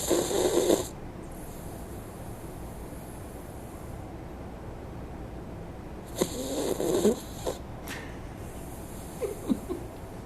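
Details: Female dog snoring in her sleep: rough, fluttering snorts over several spaced breaths with a steady background hum.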